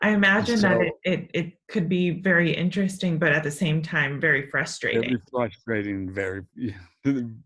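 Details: Adult speaker; ordinary speech.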